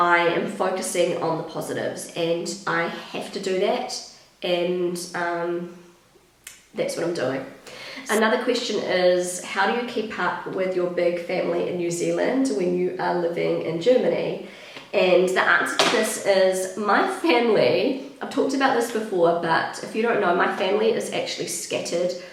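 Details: Pregnant woman with a habitually croaky, crackly voice that she says worsens markedly during pregnancy, attributing it to the pregnancy; also slightly out of breath; vocal fry (creaky voice).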